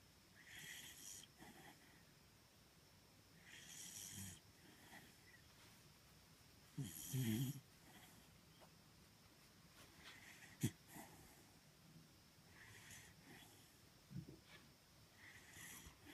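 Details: Snoring during sleep: soft, regular snoring breaths about every three seconds, with one louder snorting breath midway.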